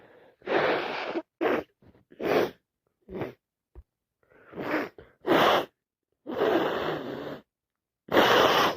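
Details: Series of loud, wet sneezes and harsh bursts of nose blowing with short pauses between, on day 4 of a cold.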